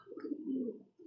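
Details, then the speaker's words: Young late-breed red-factor pigeon with halak (respiratory illness), panting and breathing abnormally. It makes a low, rough, grainy, wet rattle of airway congestion before treatment. "ano niya may halak talaga. Nahinihingal siya eh."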